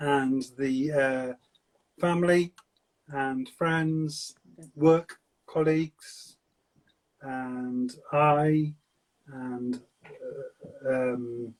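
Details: Man with aphasia for seven years since a stroke at age 50, speaking in fragmented, non-fluent speech; non-fluent aphasia.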